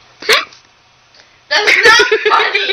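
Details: Hiccups in a drunk woman trying to get rid of them, while a friend fakes hiccups in the background: a single abrupt, voiced hiccup, short pause, then a woman's speech.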